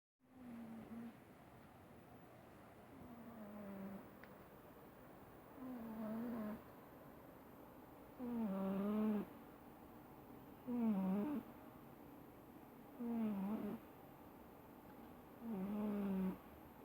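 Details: Sleeping female cat snoring: regular, slightly tonal rumbling breaths at about 25 per minute.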